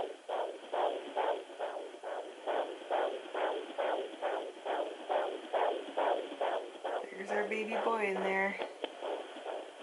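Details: Home fetal Doppler at 20 weeks' pregnancy, baby boy: fast, regular whooshing pulses of a strong fetal heartbeat, around 140 beats a minute.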